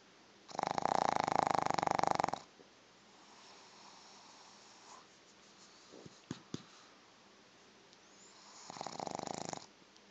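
Two loud, rough rattling snores about seven seconds apart, with quiet breathing between; snoring in a flat-faced dog.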